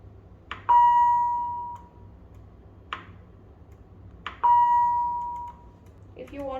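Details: Philips Efficia CM10 patient monitor demonstration: a clear alarm tone sounds twice, each ringing about a second, with button clicks between and a brief voice at the end while alarm limits are being set; patient monitor alarm.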